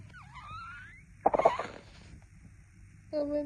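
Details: Newborn baby: a brief high squeak followed by one sudden, sharp, breathy sneeze burst, then a short steady tone.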